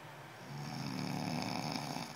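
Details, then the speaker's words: A loud, rough, rumbling snore rising over about two seconds from a sleeping adult man, likened to a bulldozer; snoring. "making loud noises with his snoring loud noises with is snoring"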